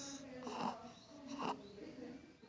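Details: Young child in deep sleep, snoring loudly while being urged to wake for an afternoon bath; the child is awaiting planned surgery for a lower-body (anal) malformation.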